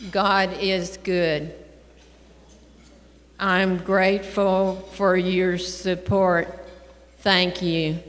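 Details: Woman with primary progressive aphasia, a neurodegenerative disease slowly affecting her language and speech, speaking on stage in 2019; she died in 2023 at 80 after a 5-year 8-month course of the disease; primary progressive aphasia.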